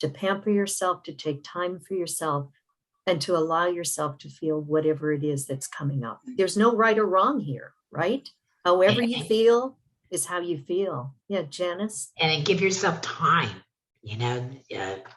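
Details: Adult speaker; typical voice.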